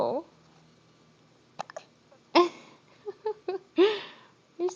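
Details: Several short, abrupt voiced catches spaced irregularly over a few seconds from a baby with hiccups trying to fall asleep; hiccups.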